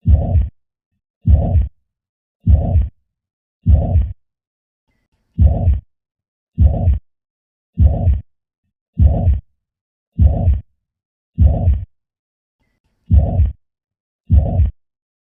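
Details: Heart sound: slow regular heartbeats, about 50 a minute, each carrying a long blowing systolic murmur; mitral and tricuspid regurgitation.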